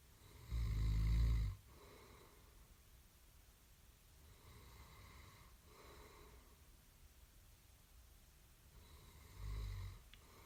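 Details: Loud snoring recorded for about 1.5 minutes in a small quiet room: heavy, rumbling snores in loud bursts with quieter rasping breaths between.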